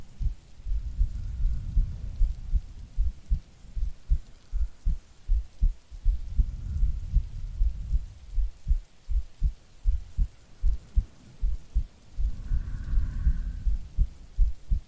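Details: Steady low heartbeat thumps at about 78 a minute with soft breathing swells and rain behind, a recorded heartbeat presented as a sleeping girlfriend's for sleep-aid ASMR; heartbeat.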